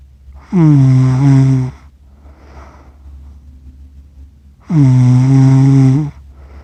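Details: Person accidentally recorded while asleep, with a self-described funny snore: two loud, buzzing, almost voiced snores, each over a second long, with quiet breathing between. Finding: heavy snoring.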